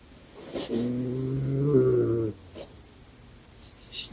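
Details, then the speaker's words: A dog named Lestat snoring in the background: a single drawn-out, low, buzzing snore in a quiet room, with a few faint clicks. "Le lendemain légèrement froid mais ensoleillé... on entend le ronflement de Lestat en fond sonore :-)"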